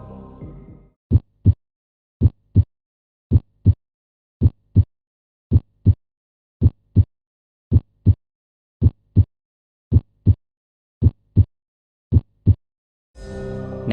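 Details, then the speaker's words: Self-test heart sounds recording: regular paired S1 and S2 heart sounds at about 55 beats a minute with no extra sounds or murmur, normal heart sounds. "and the correct answer is normal heart [Music] [Applause] [Music] sounds"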